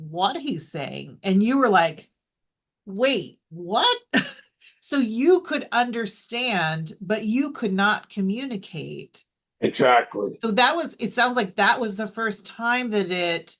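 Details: Adult woman speaking; normal speech.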